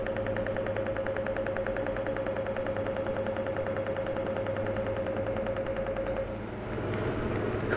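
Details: Rapid steady snapping pulses, about three a second, over a device hum, then stopping: a Cutera Enlighten picosecond laser on a pico setting, used for a full-face treatment to even skin tone, tighten pores and stimulate collagen; about 5000 shots, reported painless.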